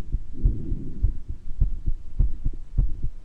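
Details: Self-recorded heart murmur in a person with mild bronchitis, occasional wheezes: low thudding heartbeat about 100 a minute with a continuous rushing hum between beats, plus adventitious breath sounds; noisy recording.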